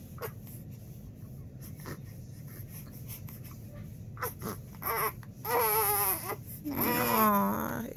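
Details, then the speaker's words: Two-month-old baby boy who had hiccups earlier and may have tummy trouble: quiet fussing and short sobs build into two loud, wavering distressed cries, with room noise in the background; infant cry. "he's frustrated this is doing some cute baby things it's kicking me in the stomach as usual all right i don't know what he's upset about but i gotta fix it oh"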